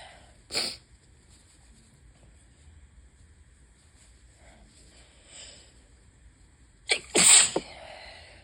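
A single sharp sneeze, then a quiet pause and a second burst with a short follow-on sneeze: repeated sneezing of allergic rhinitis.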